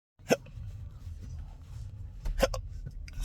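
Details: Two sharp, abrupt hiccup bursts over steady low car-engine rumble, recorded while driving, from a patient with intractable hiccups since a bad surgery outcome in 2015; persistent hiccups.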